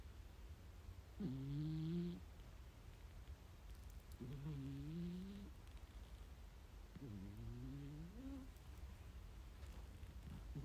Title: Mi cat snoring 😴 hahaha